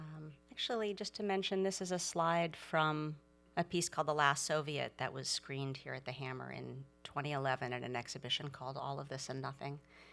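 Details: Adult woman speaking; normal speech.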